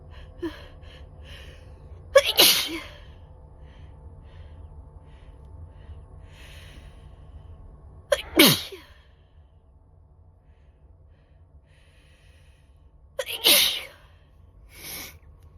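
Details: Person recording sneezes while riding a train: three loud sneezes, each with a sharp inhaled lead-in and explosive burst, spaced several seconds apart over faint train rumble.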